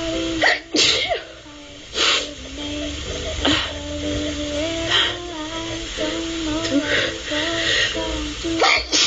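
Several forceful sneezes in a row over a song playing in the background.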